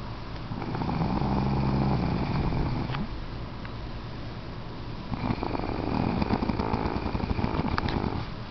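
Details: Man snoring heavily: two long, low, rattling breath sounds, each lasting a few seconds, on inhaling and exhaling.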